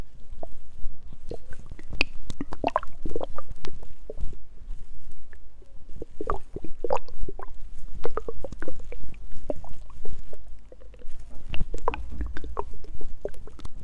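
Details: Hungry stomach growling: irregular gurgles, pops and low bubbling rumbles from the belly, mixed with water sounds; borborygmi.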